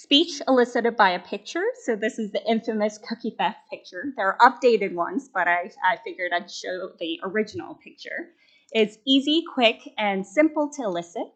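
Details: Adult woman speaking; normal speech.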